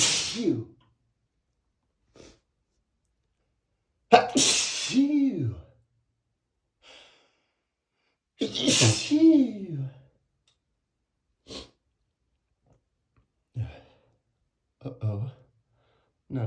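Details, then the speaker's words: Person with flower allergy acting cartoonish sneezes after sniffing lilies: two loud, exaggerated sneezes with gasping wind-ups and vocal tails, then quiet sniffs; sneezing. "again. Here comes another sneeze. [snorts] Oh no. Uh-oh. I feel another sneeze coming. And it's going to be a big one."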